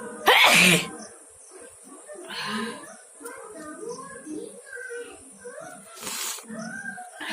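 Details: Two explosive sneezes, one at the start and one near the end, over background music, during a nose-blowing and sneezing challenge.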